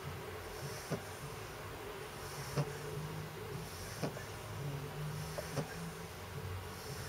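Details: A pug dog snoring while asleep.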